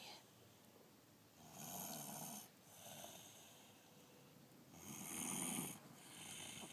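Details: Snoring after coming home from school: two soft, breathy snoring breaths a few seconds apart over quiet room noise; light snoring.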